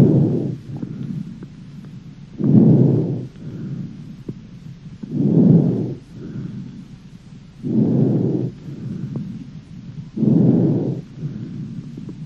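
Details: Puerile breathing.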